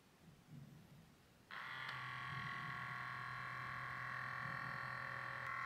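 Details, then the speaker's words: Quiet, then a steady buzzing pump hum runs on as a Sanitas SBM 47 fully automatic upper-arm blood pressure monitor inflates its cuff, measuring during inflation. "it is the calf inflation icon it says okay the heartbeat I need to be called not talking I'm talking right now again we have in the second measurement so easy to do that"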